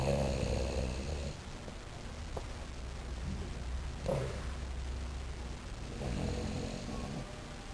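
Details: Low rattling snores, each followed by a quieter stretch, in a small quiet room during a mountain vacation: snoring.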